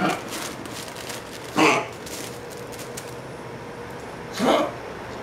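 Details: Dog with kennel cough, recorded June 2012: two short, harsh, honking cough bursts.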